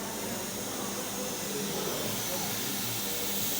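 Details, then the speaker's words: Continuous loud airy hiss of high-flow oxygen from a Neumovent TS (TECME) ventilator, started at 20 litres a minute with a default 50% oxygen setting. "automáticamente el dispositivo empieza a tomar el tiempo iba metiendo alto flujo en este caso a 20 litros y nosotros podemos ir aumentando el flujo"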